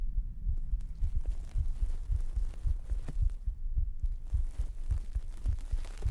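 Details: Pre-recorded heartbeat used as a binaural 3Dio ASMR trigger: soft, steady low thumps at about 110 per minute under faint background hiss.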